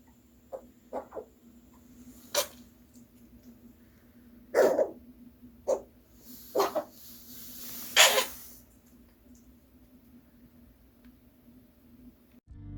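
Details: Female Maltipoo puppy (born 27 Sept 2019), taken to the vet for cough with pneumonia/bronchitis, gives a series of short, harsh coughs over a steady background hum.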